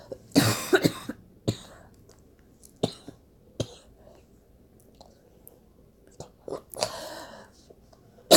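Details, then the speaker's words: Cough from a speaker who says they are sick: several short coughs in a quiet room, a strong burst near the start and another toward the end. "excuse my coughing I'm sick so hey I'm sorry"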